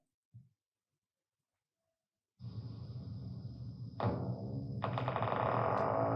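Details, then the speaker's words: EMG myotonic discharge: after a brief silence, a fast buzzing discharge starts and swells, waxing and waning in pitch. It is typical of myotonic dystrophy but is also seen in other conditions such as acid maltase deficiency. "this is typically seen in myotonic distrophy but also in other condition for example acid maltage deficiency and so forth spontaneous activity is often not characteristic of any single disease okay you can see it in many different conditions so that was a myotonic discharge"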